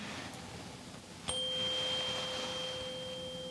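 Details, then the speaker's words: Sharp strike, then a steady pure tuning-fork tone that slowly fades, used for a Weber hearing test in a role-played head-to-toe exam. The subject hears it in both ears but louder in the left. "So, this is the Weber test. I'm just going to hit the tuning fork. Let me know if you hear it first on your right ear, your left ear, or both."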